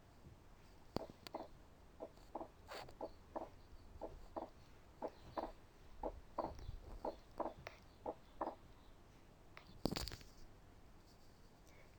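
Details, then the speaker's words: Teaching case, stethoscope diaphragm at the pulmonary area: regular heart sounds with a widely split second sound that stays split throughout, wide fixed splitting of S2, described as the hardest and rarely met. "ديت وايت فيكسد سبليتنج S2، تمام. هي دي تعتبر اصعبهم ومش بنواجهها كتير قوي، بس حبيت اسمعها لكم في الاخر"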